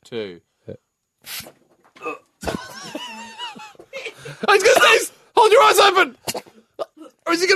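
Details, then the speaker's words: An adult coughs in harsh bursts mixed with groaning, strained sounds after pepper was blown up his nose with a bendy straw; irritant cough, possibly from pepper reaching the sinuses. "he's having a bit of a cough and a cry good fun"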